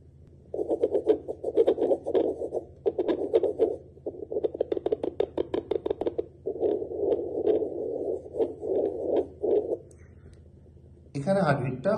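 Scratchy, crackling whooshes from a handheld fetal Doppler held on a hand, with no clear steady heartbeat.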